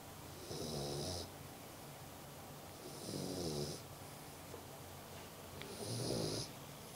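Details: 2-month-old Dogue de Bordeaux puppy snoring in sleep: rhythmic rattling snores with each breath, about three in seven seconds, with a hissing edge.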